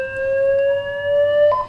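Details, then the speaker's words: Defibrillator charging at 200 joules for ventricular fibrillation, after gel is applied: a steady electronic tone rising slightly in pitch, then a brief change in tone as the device signals it is ready to discharge. "I've selected the energy. Now I'm applying gel. Yeah. So gel applied. I'm going to now charge the system."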